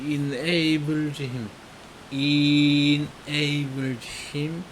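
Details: Speaker deliberately stuttering while reading a text, voluntary stuttering used to remove fear of stuttering; acted stuttering (voluntary stuttering).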